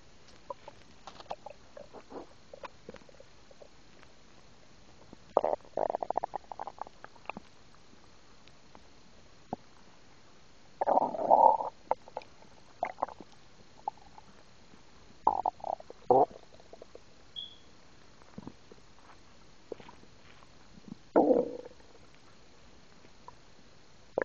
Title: Stomach noise